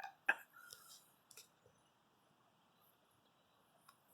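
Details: Person coughing at night inside a smoky tent: one sharp, short cough and a fainter second throat sound, then near silence in a quiet setting.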